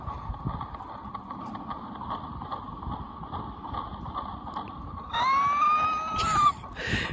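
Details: Rapid, rhythmic whooshing thumps at about 125 a minute: a fetal heartbeat recorded at a 3D keepsake ultrasound and replayed from a plush toy's speaker; fetal heartbeat.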